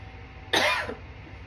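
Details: A single short, dry voluntary cough, given on request in a quiet room during a patient's advanced abdominal assessment, between psoas and obturator sign testing.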